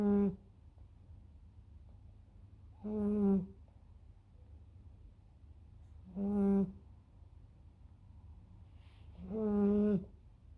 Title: Snoring puppy at 12 weeks